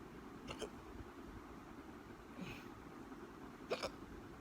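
Two to three brief, sharp catches over steady background hum, each a short paired hiccup burst; repeated hiccups.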